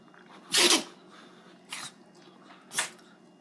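Three sharp, hissing sneeze bursts within three seconds, the first the loudest; a dog sneezing.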